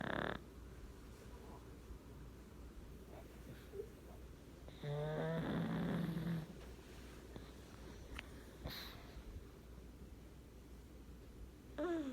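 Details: Ordinary snoring in sleep: a few brief rumbling snore sounds over a steady background hum.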